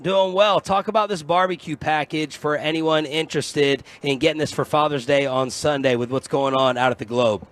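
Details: Adult male speaker on radio; normal voice.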